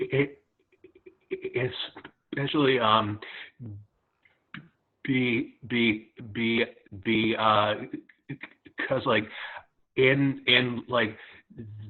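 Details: Real stuttering in a 27-year-old who self-identifies as a person who stutters.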